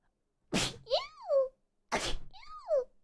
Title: cute sneeze {Hololive EN}